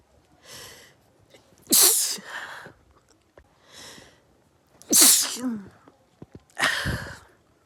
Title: rapid perfume induced sneezing fit #sneeze